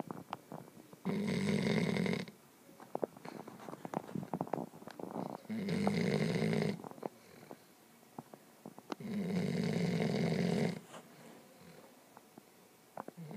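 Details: Sleeping puppy snoring loudly: three loud, rough snoring breaths in about 13 seconds, each a second or more long, with quiet breathing and faint snuffles between.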